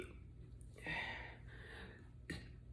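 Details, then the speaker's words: Deliberately produced belch, a low rumbling release of swallowed air in a quiet room; adult inducing burps by eating or drinking on an empty stomach; burping. "I normally uh can do this when my stomach is empty and then I either eat or Put liquid on it so the natural gas just come out"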